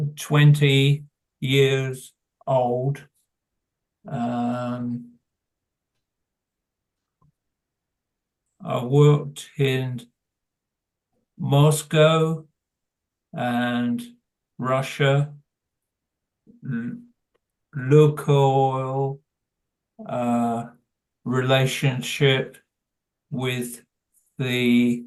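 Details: Adult man with primary progressive aphasia attending a progressive aphasia speech and language therapy clinic; word-finding pauses, fillers, restarts and fragmented sentences; primary progressive aphasia.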